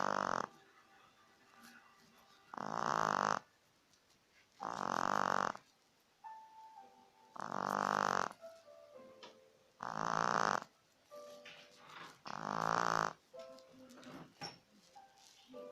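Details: Snoring recorded at week 8: loud, rasping snores roughly every two and a half seconds, with quiet tones and music-like sounds between them; snoring.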